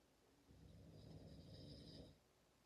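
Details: One low rumbling snore on a slow breath in, in a quiet room, from a sleeper or Dad while sleeping: snoring.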